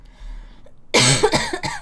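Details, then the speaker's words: Girl's persistent cough that she says worsened again and worsens lying down: faint room noise, then two or three harsh, dry-sounding coughs in quick succession. "그래가지고 그 이후로 내가 기침이 심해졌어 다시"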